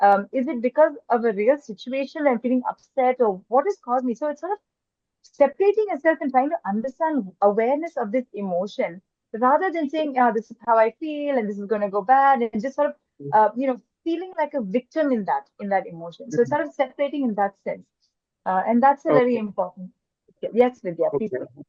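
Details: Adult woman speaking; typical speech.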